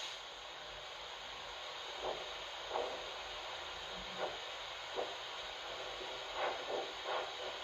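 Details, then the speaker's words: Handheld Doppler over the posterior tibial artery, between the medial malleolus and Achilles tendon, during a foot-pulse check: regular whooshing pulses about 85 a minute over steady hiss, sounding different from other vessels; a decent arterial signal. "there we go slightly different sounds it's a different type of vessel but a decent signal"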